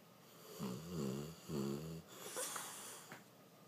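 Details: Dog sleeping soundly and snoring: two drawn-out, vibrating breaths with a fluttering, tonal edge, followed by a softer snort.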